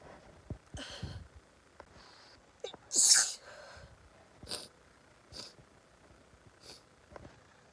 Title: So sneezy! #sneeze